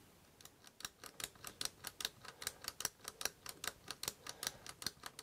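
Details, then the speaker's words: Quick run of small, sharp mechanical clicks, about two to three a second, as a puff on a disassembled Clenil Modulite brown asthma inhaler pushes a two-disc system that ratchets the black ring forward to drive the dose counter. "his presses in there and you can almost hear it. It causes this top two um disc system to push down to ratchet that black ring forwards."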